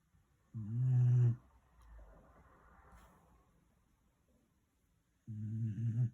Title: I don’t snore 💤